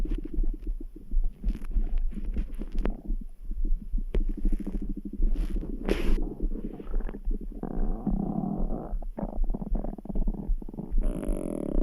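Gurgling, bubbling stomach rumbles with long low growls over a steady thumping in the background, likely the heartbeat; ordinary bowel sounds.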